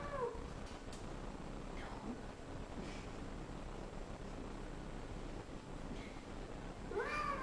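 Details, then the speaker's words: Shelter cat after pain relief: a few short, quieter meows, much less drawn out than its earlier pained yowling before intervention. "yeah so it sounds very different he was at the front of the cage and so he sounded like a it sounded like oh don't put me in the cage again so a much different a very different before and after picture there"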